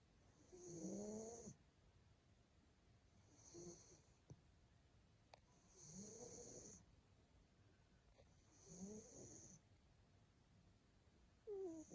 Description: Our male Maine Coon cat snoring, is one of the sweetest sounds in the world.